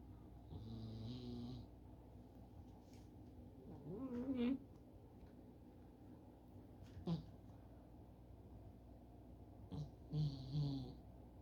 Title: Just like a baby (but with snoring) #shorts